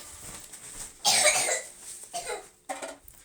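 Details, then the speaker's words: One loud, harsh cough, then two weaker coughs, from a young girl with a bad cold of about three weeks, worst tonight; tested negative for flu and not RSV; cough. "Tonight's like the worst that she's been coughing, but it's not RSV."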